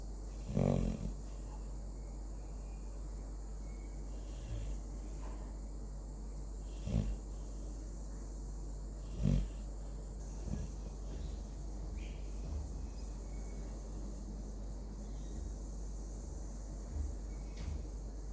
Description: Our labrador Sammy has just started to snore loudly.